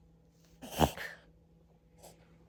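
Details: Coton de Tulear dog's reverse sneezing: sharp, noisy snorting bursts through the nose; owners suspect dry air and tried humidity.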